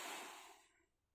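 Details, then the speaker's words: Forced expiratory blow during a spirometry manoeuvre: after normal breaths and a deep inhalation, a male patient bites the mouthpiece with nose closed and blows out as hard and as long as possible, a sudden strong rushing exhalation fading over about a second. "ga hembuskan dengan sekencang-kencangnya ya Mas ya. Oh iya. Sampai habis ya."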